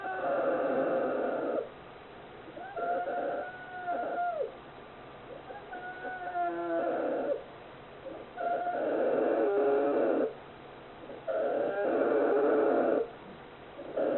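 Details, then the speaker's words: Loud, rough snores, about twenty-two a minute and each lasting a second or two, from a sleeping 41-day-old polar bear cub that settled into calm sleep minutes after becoming fussy. "This is probably the sound of snoring."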